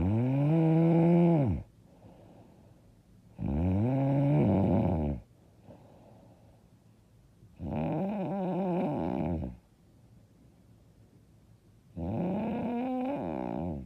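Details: Four loud, rough, voiced snores about two seconds long, separated by quiet exhalations, at roughly 16 breaths a minute; very loud, hard snoring.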